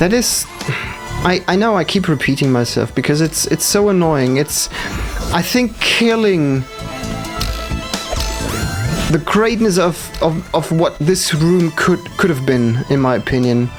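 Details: Stuttering with audible repetitions in a male gamer, who says it appears when he must focus hard, especially on demanding parts not yet in his muscle memory.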